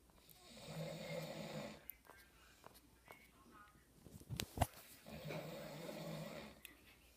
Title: my brother is snoring